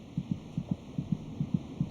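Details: Fetal heartbeat in a pregnancy documentary at around week 26: rapid, regular soft paired thumps at about 150 a minute, about twice as fast as the mother's heart rate; normal fetal heartbeat.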